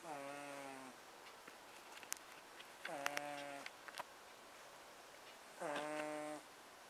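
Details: Cat named Lola snoring: three loud, buzzing, tone-like snores, each about a second long, recurring roughly every three seconds (about 22 a minute).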